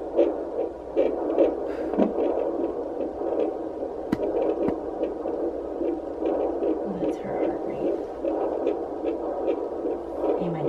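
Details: Fetal heartbeat at 13 weeks of pregnancy on handheld Doppler at doctor's office: rapid rhythmic whooshing pulses, heart rate reported about 142–152 bpm; normal.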